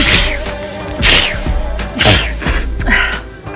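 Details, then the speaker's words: A woman, her roughly 20th sneeze of the day, gives several sharp, explosive, real sneezes while trying to stifle them, with music behind. "that was violent that has to be like the 20th um I've sneezed today"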